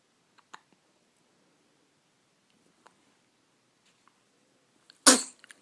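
A quiet room, a few soft sounds, then one loud, sudden sneeze burst near the end; a single infant sneeze.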